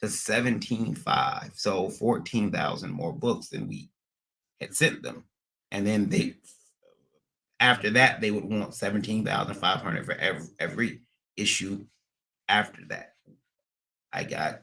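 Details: Adult man with stuttering after a recent transient ischemic attack; MRI and another scan showed a little damage; under a neurologist with physical, occupational and speech therapy; speech not fully recovered, still stutters occasionally almost a year later; acquired stuttering.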